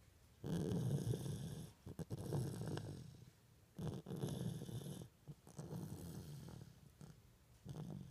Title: Baby snore